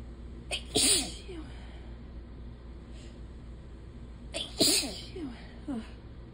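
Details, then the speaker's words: Two separate sneezes a few seconds apart, each a sharp in-breath then explosive burst, quiet room, from a person with a runny nose, sore throat and hoarse voice; sneeze. "I'm just we're gonna we're gonna sneeze oh my nose is running like crazy"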